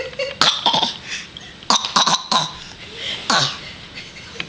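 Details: A young child gives a run of short, light, deliberate fake coughs, imitating a grandparent who had a slight cough on a recent visit; an imitated cough, not a real one.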